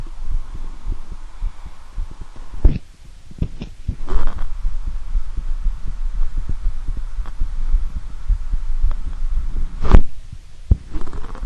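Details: Shirtless adult male self-examining his own real heartbeat with a standard stethoscope on the chest; steady low, muffled thumps with some chest-piece scraping and rustling; normal heart sounds.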